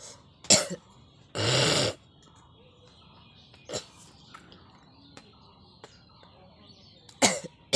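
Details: Deliberate coughing in a coughing and nose-blowing challenge: a few sharp single coughs and a throat clear, with a nose-blow burst; acted.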